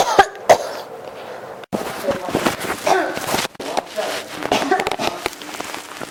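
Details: Two sharp coughs, then a long run of rapid, repeated coughing that keeps going without stopping: persistent cough.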